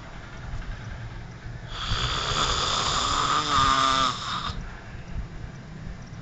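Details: One loud, rattling, vibrating snore of about three seconds over steady room hum, from an adult male roommate sleeping at 12 pm: heavy snoring.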